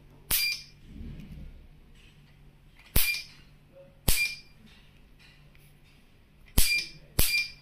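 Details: Ophthalmic Nd:YAG laser, Model 307, in single-pulse mode with lamp intensity selected: five sharp, loud snapping clicks of laser pulses firing at irregular intervals over a quiet room hum.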